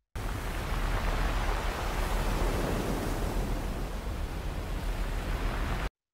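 Steady rushing, surf-like noise with gentle swells, then a brief pause and a voice starting: a hearing aid's ocean-wave tinnitus therapy sound.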